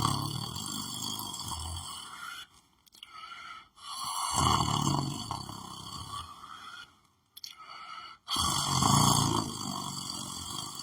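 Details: Person lying on the floor of a room asleep: loud rough breathing in repeated bursts separated by brief pauses, with steady background hum; snoring.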